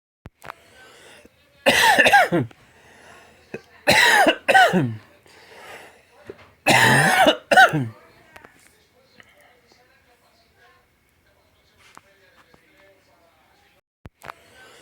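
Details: Person coughing: three bouts of harsh, dry coughing, each of one or two bursts, with no mucus rattle; a dry, unproductive cough.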